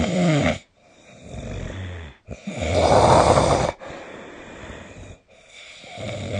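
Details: Snoring during sleep recorded on 2025/03/25: loud, rough, low fluttering snores on each inspiration with short silent gaps between.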